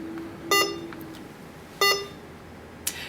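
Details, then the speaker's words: Hawkmed HK 400III veterinary syringe infusion pump switched on by holding the power button: two short electronic beeps about a second apart, the normal power-on tone, with a faint click at the end. "and the power button to turn on our syringe pump we can hold down the power button"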